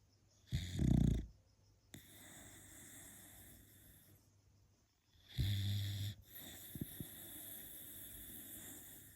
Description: She is very loud when it comes to snoring #dog #funnyvideo #funny #snoring #beagle #cutedog #puppy #cute #funnyanimals